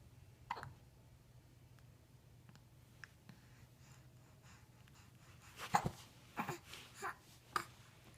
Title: Hiccups AND sneezes!!